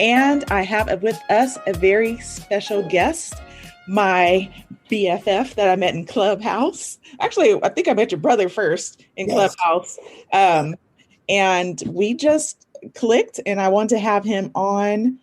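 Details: Adult woman speaking; Normal speech.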